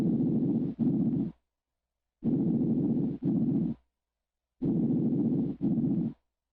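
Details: Normal anterior chest breath sounds on auscultation: three soft, even breath cycles, smooth inspiration then expiration, about 25 breaths a minute.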